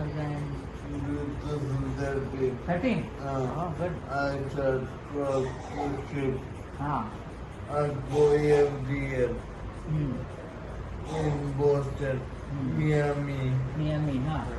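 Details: Patient with dysarthria caused by stroke, speech not clearly articulated; dysarthria.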